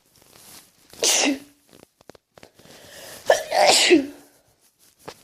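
Two loud, explosive sneezes, each with a hissing burst of air ending in a short voiced sound.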